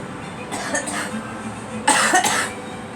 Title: Girl coughing